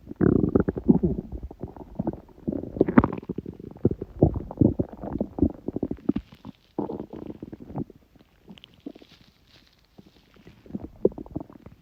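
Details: Stomach growling recorded at 1:30 am, about six hours after overeating udon, first gluten in a while: long runs of gurgling, rumbling bowel sounds with crackly bubbling, fading to quieter intermittent gurgles.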